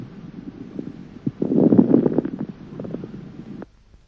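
Breath sound overlaid with many brief, close, popping crackles, densest mid-breath, consistent with loud fine crackles (subcrepitant rales).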